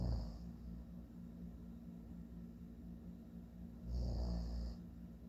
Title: My dad snoring again